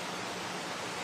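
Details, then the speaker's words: Inspiratory stridor in a child: noise on inspiration, very quiet on expiration, an upper respiratory noise. "This child has stridor. That inspiratory noise is called stridor."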